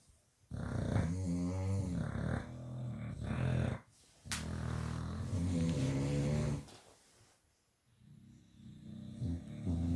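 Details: Two Staffordshire Bull Terriers snoring at bedtime: long, low rumbling snores with a fluttering rattle, two breaths across ten seconds, separated by quieter pauses.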